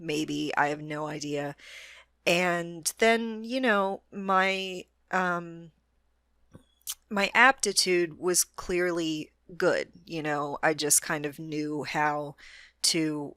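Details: Adult woman with a self-described moderate, not severe, stutter that is audible but which she can control most of the time; stuttering.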